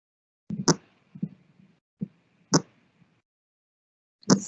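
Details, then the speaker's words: Horse at rest: slow, regular heartbeat, 9–10 beats counted over 15 seconds, giving about 36 beats a minute, a normal resting heart rate for a horse. "so this recording is actually mary's heart and as i mentioned before when we go to take a rate of something we count it over 15 seconds and then we multiply by four"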